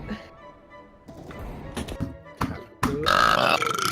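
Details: Several rough, throaty burps over background music, ending in a loud, prolonged belch.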